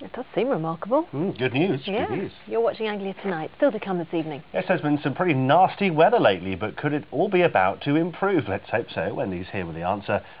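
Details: Adult presenter; typical speech.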